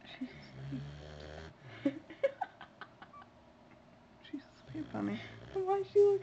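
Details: Sleeping puppy with its eyes open, snoring: a short, low, buzzing snore with soft talking nearby.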